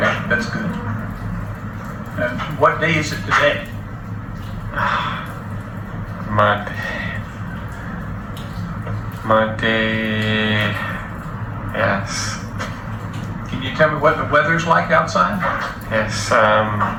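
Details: Adult man with mild Broca's aphasia seven years after a stroke; comprehension intact but difficulty producing speech; real patient; non-fluent speech consistent with Broca's aphasia.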